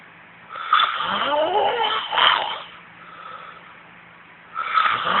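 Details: Adult man snoring during sleep, with loud, rattling, rough, fluttering snores separated by quieter breathing; typical heavy snoring.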